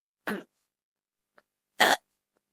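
Two short, harsh throat-clearing bursts with a faint click between, from an animated character's voice; throat clearing.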